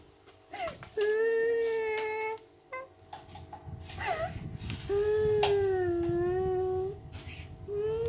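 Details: Infant crying: sustained wailing cry bouts with breaks for breath, steady pitch and strong voice, faint room noise and music in the background.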